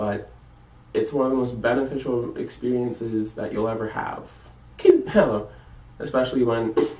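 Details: Vocal tics of Tourette syndrome, with words such as 'Cute!' and 'Ow!' interrupting speech, in a college student.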